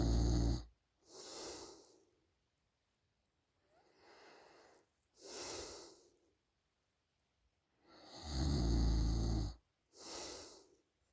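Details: Woman snoring during a short nap, recorded by her boyfriend: loud rattling snores with each breath, about five to six per minute, with quiet pauses between.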